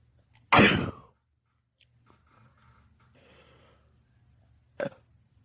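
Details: Sneeze during a sneezing fit at a house with two cats: one loud, sharp, explosive burst, then quiet breathing and a smaller burst.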